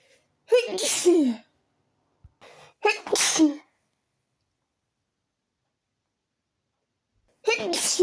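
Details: Several loud sneezes, some partly stifled, each a sharp in-breath and then a forceful voiced burst, after waking with a tickly nose from a window left open overnight; attempts to keep them quiet changed the sound.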